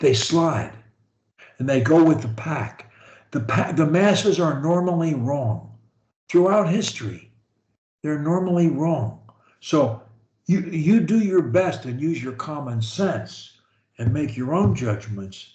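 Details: Adult man; plain speech.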